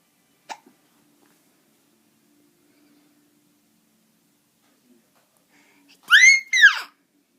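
A faint click, then two sharp, squeaky hiccup sounds close together in a quiet room: hiccups.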